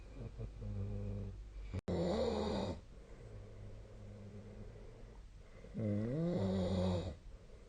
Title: 🐽 本日のイビキ / Snoring Sleep Sound 2025/02/05